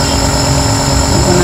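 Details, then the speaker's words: Omron NE-C28 jet compressor nebulizer running during an inhalation treatment, up to about 15 minutes for adults and 7–10 minutes for children: steady low mechanical hum with buzzing vibration. "Penggunaan dengan menggunakan jet nebulizer ini kurang lebih selama paling lama 15 menit untuk untuk takaran."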